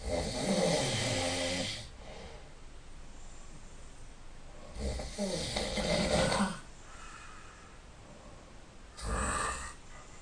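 Loud, rough, rattling snores on each breath in, about three in ten seconds, with quiet breathing between them.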